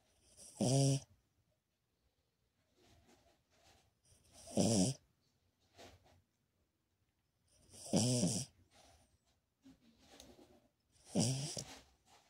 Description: Boujee snoring during his nap! #kingcharlescavalier #sleepydog